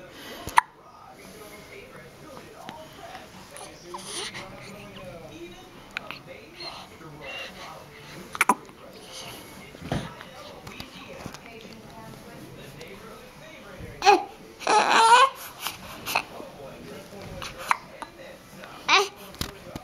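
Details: Scattered short sharp catches of breath from a baby amid soft background talk and room noise: infant hiccups.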